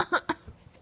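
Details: Six-month-old girl recovering from a cold gives three short, light, deliberate pretend coughs for attention: voluntary fake cough, not an illness cough.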